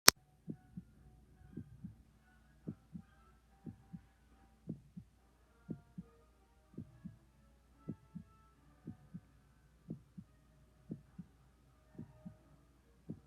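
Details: Soft, steady paired thumps at about 70 beats a minute over a low hum: a regular heartbeat, for relaxation and sleep.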